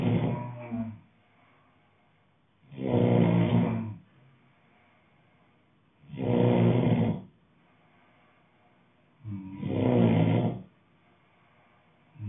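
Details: Adult male sleeping, deep rattling snores on each breath in, about 18 per minute, quiet pauses between; loud regular snoring.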